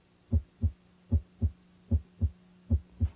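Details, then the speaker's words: Normal S1 and S2 heard at the base during a head-to-toe cardiovascular assessment, auscultated with stethoscope diaphragm and bell: regular paired lub-dub at about 76 a minute; S2 (aortic and pulmonic closure) is best at the base. "corresponds to pulmonic and aortic valve closure at the end of ventricular syy S1 is best heard at the Apex it corresponds to mital and tricuspid valve closure at the start of ventricular syy"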